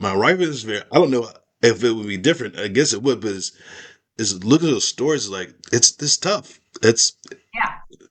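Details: Aphasia in a man after a stroke; part of his skull was removed during recovery.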